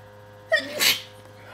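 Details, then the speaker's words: Sneezing during the tail end of a long allergy attack of unknown trigger: a single sneeze, a brief voiced intake followed by a sharp, hissing burst of air. "God, allergies suck. Oh, God. I don't know what is making me sneeze, but my allergies are insane."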